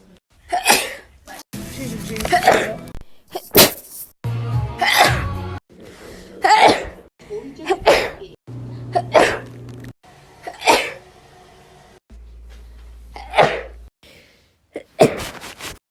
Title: 2k19 sneezes